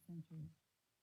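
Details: Simulated severe mid- to high-frequency sensorineural hearing loss in the left ear in a case of asymmetrical sudden sensorineural hearing loss: muffled, indistinct speech.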